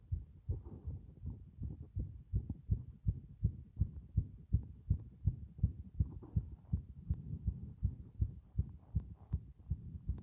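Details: Steady, regular low thumping heartbeat at roughly 80 beats a minute, each beat a paired lub-dub, presented as showing heart muscle strength.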